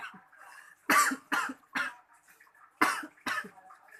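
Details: Beginner vaper trying a 12 mg nicotine e-liquid on a mechanical mod with an RDA and a 24-gauge Ni80 coil: five short, harsh coughs in two bursts after inhaling vapor, an irritant cough.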